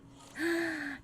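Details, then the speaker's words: Sudden high voiced gasp-like squeak under a second, a simple vocal tic in a girl with Tourette syndrome during a livestream; she says her tics are worse than usual today, the day after a tic attack. "I just think my ticks are a little bit worse today than usual probably because every time I have a tick attack the next day my tick is always worse"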